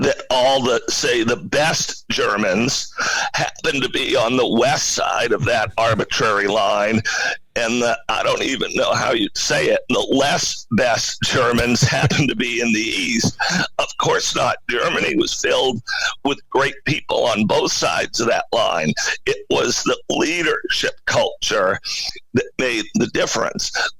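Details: Adult male CEO with spasmodic dysphonia, a rare neurological voice disorder affecting only speech, with no known cause and no known cure; acquired in 2010, when using his voice suddenly became hard; finding: spasmodic dysphonia.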